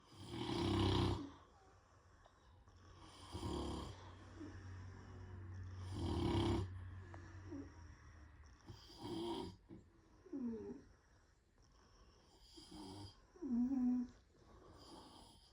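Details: Snoring in sleep, with a beagle also snoring off screen: loud, rough snores recurring about every three seconds, with quieter breathing between; snoring in sleep.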